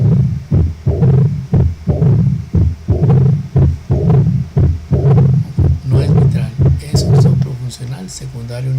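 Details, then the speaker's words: Regular heartbeat near 59 a minute with a low diastolic rumble at the apex: an Austin Flint murmur, a functional mitral diastolic rumble from severe aortic regurgitation. "es un soplo diastólico que se ausculta en ápex, consecuencia de un rasiere diastólico mitral condicionado por un importante volumen de regurgitación aórtica, o sea, una insuficiencia aórtica severa."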